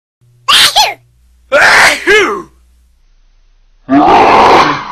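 Three loud sneezes, the first two with a quick rising intake before the burst, the last a longer forceful blast; ordinary sneezing.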